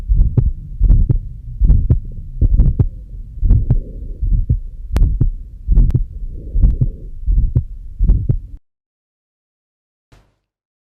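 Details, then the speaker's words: Combined mitral stenosis and regurgitation: irregular heartbeat around 75 a minute with continuous low rumbling filling systole and diastole, a pansystolic plus mid-diastolic murmur. "if you hear long enough at least for 30 seconds you will be able to detect a murmur during sisterly which is often pan-systemic and a diastely which is mid diastolic signifying then there is a combination of mitral stenosis and reduction in the given cvs short case"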